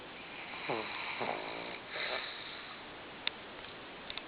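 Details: Sleeping pug snoring loudly after a tiring day: wheezy, rattling snores with a whistling, rising tone, then quieter breathing and faint clicks in a quiet room.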